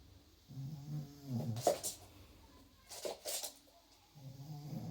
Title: attacking the sun with snoring in the background